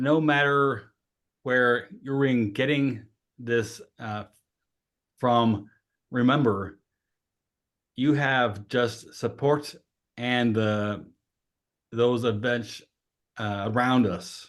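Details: Adult female with aphasia who has voted with aphasia for 20 years; hesitations and fillers; aphasia.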